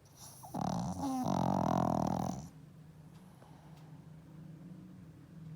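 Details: Pug sleeping: a single loud, rattling, rumbling snore lasting about two seconds, then quiet breathing; snoring from a flat-faced dog.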